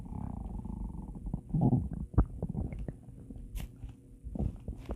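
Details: Stomach growling: low gurgling rumbles with irregular bubbling pops, typical of normal borborygmi.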